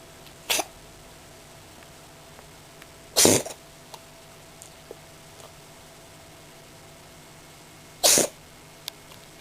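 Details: Cat sneezing repeatedly after looking out a window on a sunny March day, owner half-jokingly suspects hay fever: three short, sharp, hissing bursts a few seconds apart; sneezing.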